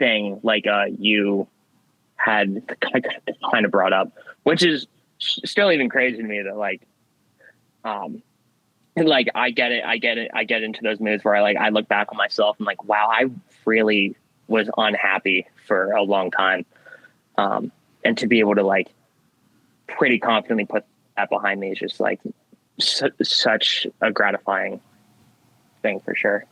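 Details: Young man with stuttering since childhood that varies in severity; he sometimes swaps words mid-sentence to avoid getting stuck.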